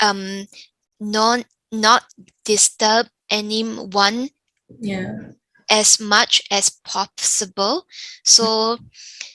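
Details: Younger adult woman with aphasia after a stroke; aphasia.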